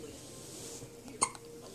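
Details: Baby with hiccups: a single short, sharp hiccup against quiet room noise.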